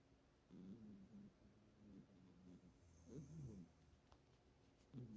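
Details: Siberian cat snoring in deep sleep due to sleeping position, not overweight or sick; low rumbling snore with each breath, faint and steady.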